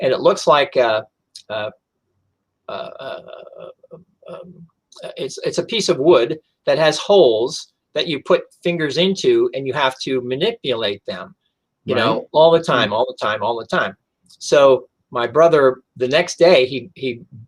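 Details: Adult stroke survivor with aphasia since a stroke on September 26, 2011, followed by seven months of speech therapy and an aphasia group, now in long-term recovery; aphasia.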